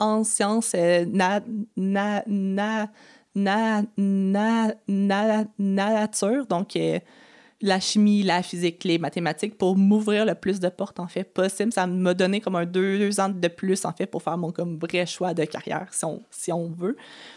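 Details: Adult woman who has stuttered since age 6 (developmental stuttering) and had about 4–5 speech therapy courses across primary school, secondary school and university; real, natural conversational speech showing stuttering.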